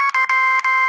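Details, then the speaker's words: Continuous glucose monitor urgent low alert for a diabetic daughter, meaning glucose below 55, which wakes the parent at night. It is a harsh, shrill electronic tone in short bursts with brief gaps, chosen on purpose to be annoying. "If she is an urgent low, which means she's below 55, which is like run downstairs kind of a low, here's what I hear."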